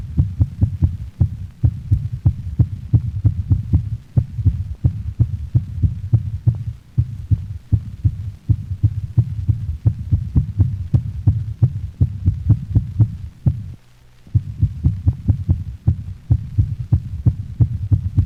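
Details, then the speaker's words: Dog in atrial fibrillation: rapid, irregular, chaotic heartbeat with uneven spacing and first and second heart sounds of varying intensity. "notice the irregular rate and variable intensity of heart sounds of a dog in atrial fibrillation"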